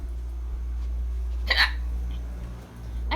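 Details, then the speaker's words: Person with hiccups persisting since the previous afternoon or night, nearly two days, recurring after pauses despite breath-holding; hiccups. "oh man I've been having hiccups old all day ever since yesterday they have not stopped ever since last night"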